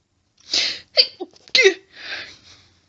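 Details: Adult female, intense sneezing fit with stifling, itchy nose: rapid run of four or five sharp, partly stifled sneezes with short gasps between; repeated stifled sneezing.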